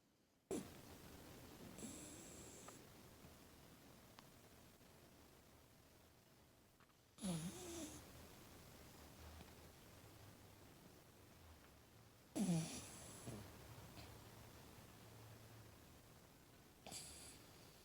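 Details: Snoring, seemingly jet-lagged: quiet room with four soft snorting breaths, about 12 a minute, each a sharp intake fading into a low rumble.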